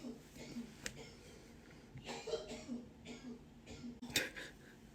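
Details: Several harsh coughs and throat-clearing sounds from an adult male in a nearby room, some with a retching quality, as if about to vomit.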